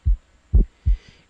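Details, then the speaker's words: Normal heart sounds: low, dull thumps in steady lub-dub rhythm with quiet gaps; first sound low-pitched, soft and slightly longer than the higher-pitched second, loudest over the left ventricular area. "primer ruido se caracteriza por ser de tono bajo, timbre suave y de duración algo más prolongada que el segundo."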